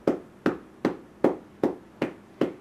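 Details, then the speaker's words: Cupped-hand chest percussion on a girl's chest during home chest physiotherapy, about a minute and a half into a timed session; she is not uncomfortable: regular hollow claps, about seven in under three seconds. "She's not uncomfortable. She's recognizing the sounds and the feeling of it, but she's not hurting."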